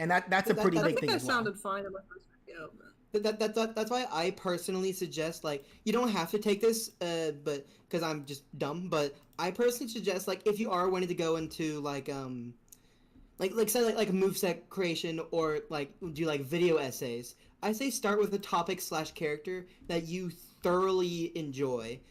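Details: Adult male streamer speaking unscripted on a live stream; he reports a pretty bad speech impediment, stuttering and using the wrong words. Stuttering.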